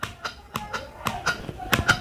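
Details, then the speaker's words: Mee Mee manual breast pump demonstrated by a woman, held on the breast, initially pumped fast for about five strokes so milk collects in the bottle: rhythmic clicking and squeaking strokes about every quarter second. "तरीके से आपको pump करना है तो initially आपको पांच pump तरीके से थोड़ा फास्ट करना है तो इससे क्या होगा कि जो आपका मिल्क है वो उसमें कलेक्शन लगेगा इस वाली बोतल में"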